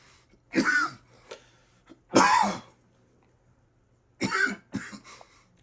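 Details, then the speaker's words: Adult man coughing after smoking strong cannabis ("the gas was too strong"): repeated harsh, throaty coughs in irregular bursts, about four or five, with short gaps. Coughing fit. "the name of this video should be the gas was too strong i almost died because that's what the [ __ ] just happened"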